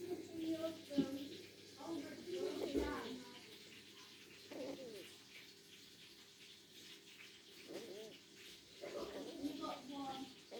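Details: Chicken making short squeaky, whistling sounds at irregular intervals; the owner is seeking help for the chicken's wheezing.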